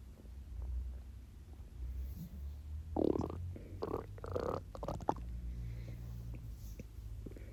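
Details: Low gurgling rumbles swelling over a couple of seconds: hunger borborygmi, the growling of an empty stomach during a 24-hour fast.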